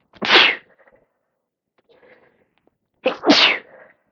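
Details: Two loud, forceful sneezes about three seconds apart, each with a sharp intake and explosive release, on day 3 or 4 of a cold with heavy congestion; sneezing.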